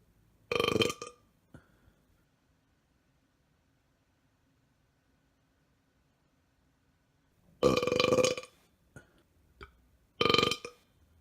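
Three loud, long, rumbling burps separated by quiet pauses, with a few small clicks between them.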